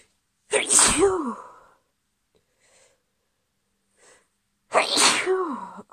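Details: Female with a cold: two forceful sneezes a few seconds apart, each a sharp explosive burst with a voiced cry, faint breaths between.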